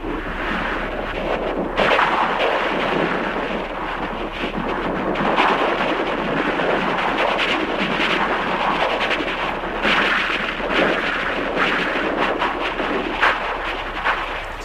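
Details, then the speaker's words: A computer-program simulation of music heard through a cochlear implant: harsh, hissy noise with a pulsing beat, where rhythm and tempo remain but the melody is lost, giving a mechanical, Dalek-like sound. "The rhythm and the tempo of the music are there, but what's missing is the melody. It's a very sort of mechanical, almost sort of Dalek-like sound."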